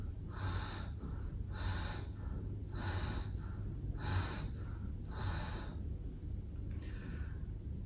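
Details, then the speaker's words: A pediatric pulmonologist imitates wheeze in childhood croup with lower-airway (bronchial) involvement: repeated breathy, faintly whistling breaths; wheeze (imitated). "occasionally children can have involvement of the lower airways or the bronchi which can produce a whistling sort of a sound known as wheeze something like this"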